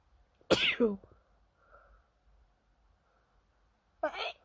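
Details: Late-night itchy nose: two sharp, explosive sneezes a few seconds apart in a quiet room; repeated sneezing.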